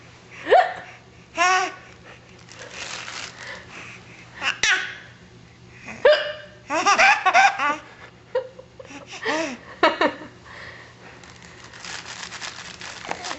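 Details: Baby laughing at hiccups: sudden sharp hiccup catches mixed with bursts of baby laughter over a faint background hum; hiccups.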